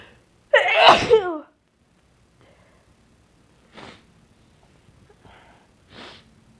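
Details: Induced sneeze with a very sensitive nose, possibly getting sick: one loud, sharp sneeze followed by quiet sniffs and breaths.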